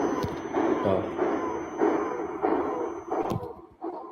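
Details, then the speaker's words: Transcranial Doppler (TCD machine) screening for cerebral vasospasm: pulsing flow whooshes about 100 a minute carrying a musical tone, the vibration/musical murmur sign of vasospasm despite low recorded flow velocity. "You see, this is that vibration, that musical sound. Okay. So, in summary, TCD is an excellent bedside tool for screening vasospasm."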